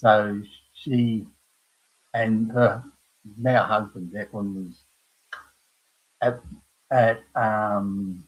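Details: Adult man with aphasia after a stroke at age 58, caused by a blood clot from his heart, following a severe heart attack and quadruple bypass; knows what he wants to say but cannot find the words; aphasia.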